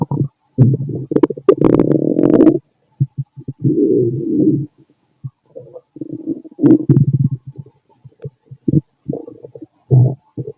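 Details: Bowel sounds (borborygmi) from the stomach of a fit adult male, recorded with a stethoscope after lunch and a carton of milk: loud rolling gurgles and low rumbles in bursts with short gaps.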